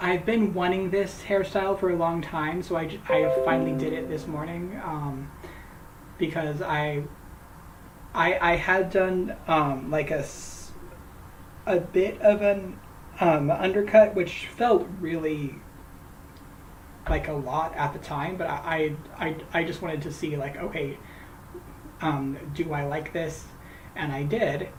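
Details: Adult male host who says he stutters, talking live while crocheting, with word and phrase repetitions that worsen when greeting people by name: stuttering.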